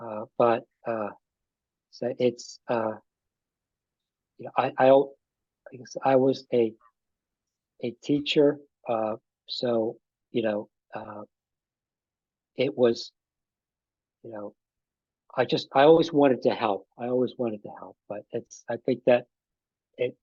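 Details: Adult man with aphasia after an ischemic stroke that occurred together with a heart attack about five and a half years earlier; still has trouble with names and word tenses.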